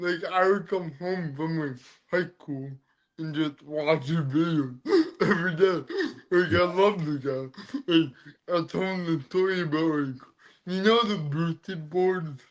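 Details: Dysarthria in an adult man born with cerebral palsy, which affects his neck muscles, giving a deeper voice and making talking hard.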